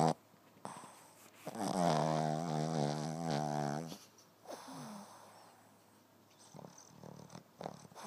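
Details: A sleeping Boston terrier snores: one loud, fluttering, whistly snore of about two seconds, then softer snuffly breaths in a quiet room.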